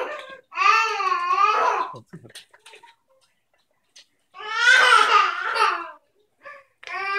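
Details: Baby girl crying for no apparent reason: two long, rising and falling wails with gasping breaths between, small room; ordinary infant crying.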